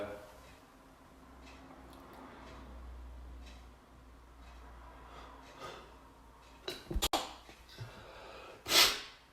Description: This is the End of a fit with about 25-30 sneezes.